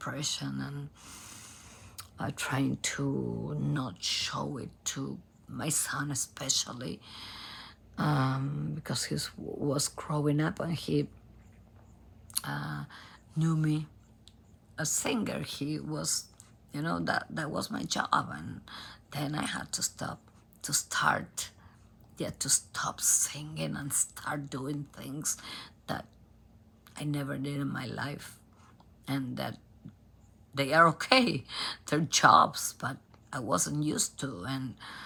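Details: Adult female professional singer from Argentina with abductor spasmodic dysphonia, in which spasms of the vocal cord muscles open the cords. Onset was in 2015 and it has been worsening despite repeated Botox injections.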